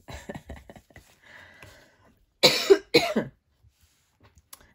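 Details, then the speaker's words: Two loud, harsh cough bursts close together from an adult, after soft speech-like sounds and faint room noise: a plain cough. "the cough sorry about this you can always turn the sound off"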